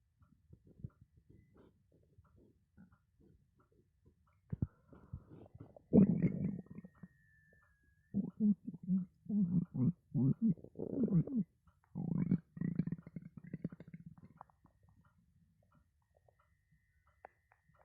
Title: Stomach growling hungry